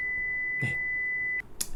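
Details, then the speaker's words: Simulated tinnitus sound at 2 kHz representing a hypothetical tinnitus patient, played during a sound-therapy explanation. "그래서 2kg 2,000 즈의 이명을 갖고 계신 분이라고 가정을 하고 시뮬레이션된 이명 소리를 수능으로 한번 들어보겠습니다"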